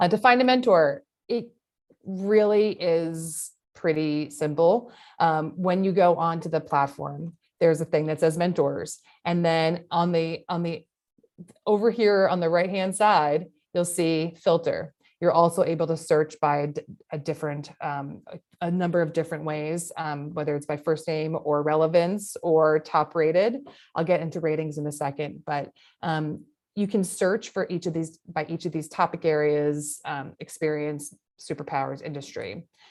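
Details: Adult woman speaking; ordinary speech.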